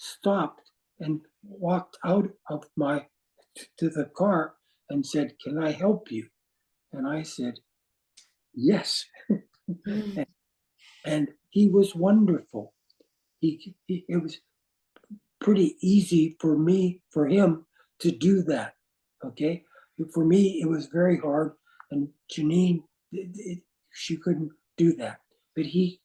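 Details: Aphasia after stroke in an adult man, with difficulty with instant word choice.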